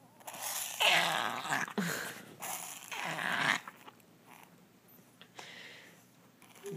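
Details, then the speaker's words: A female dog that the vet says has allergies, now on an antihistamine, makes a run of loud, rapid snorting inhalations: a reverse sneeze, confirmed by the vet. "well the doctor says It's just a reverse sneeze You Don't seem to like it much though honey"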